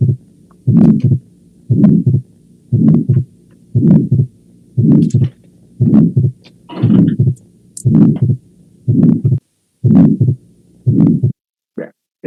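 Regular heart rhythm at about 58 beats a minute with a soft mid-systolic ejection murmur, grade 2 of 4, at the pulmonary area, separate from both heart sounds. The second sound is split and stays split through breathing, a fixed split typical of atrial septal defect.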